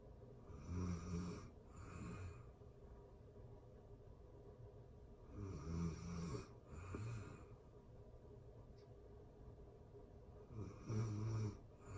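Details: Deep, rattling snores on each inhaled breath, about three breaths across twelve seconds, separated by quiet pauses; ordinary snoring recorded in real time during sleep.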